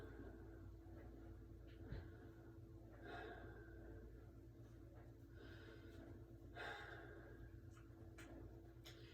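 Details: Normal breath sounds during a respiratory assessment: several soft, unhurried deep breaths without wheeze or crackle over a steady low room hum.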